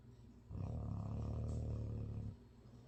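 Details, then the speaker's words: Sleeping dog: one deep, low rumbling snore lasting about two seconds, with quiet room noise around it; snoring. "They're both snoring, they're both dreaming."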